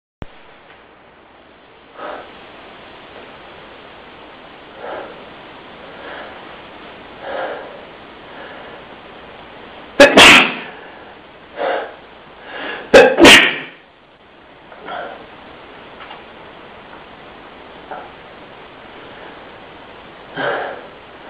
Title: sneezing